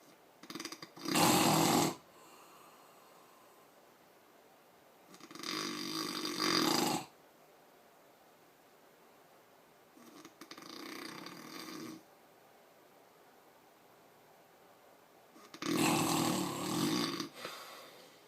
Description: now that's loud snoring